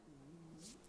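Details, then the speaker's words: A person's stomach growling (borborygmi), picked up by a microphone during a recorded conversation. "oh my gosh I hope you could hear that on thing not mic my stomach's growling"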